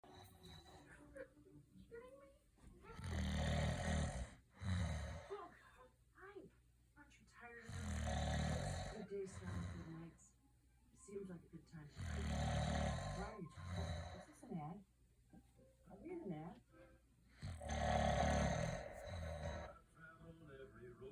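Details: Loud, rough snores recurring about every five seconds, roughly 13 a minute, each with a harsh rattling intake, from someone snoring into a microphone as a prank: heavy snoring.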